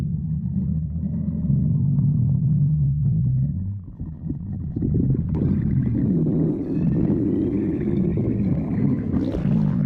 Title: stomach growling